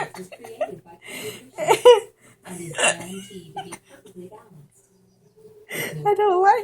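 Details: A child's voiced sounds broken by several abrupt, sharp catches in the breath: repeated hiccups.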